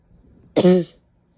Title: painful barking cough with a couple sneezes